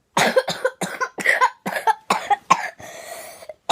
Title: Gigantic cough atack